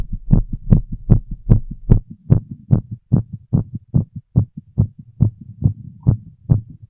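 Clear, regular paired heart thumps at about 75 beats a minute; an ordinary heartbeat heard through a stethoscope.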